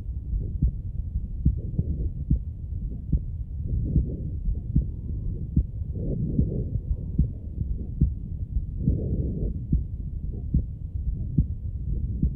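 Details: Normal heart sounds, regular low thumps about 73 per minute, recorded with a Stemoscope digital stethoscope and played through an iPad speaker without headphones.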